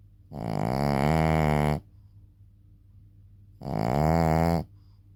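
Two long, loud, droning snores on breathing in, with quiet pauses between; heavy snoring in a flat-faced small dog.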